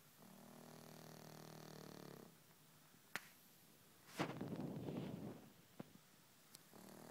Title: Chewie Snoring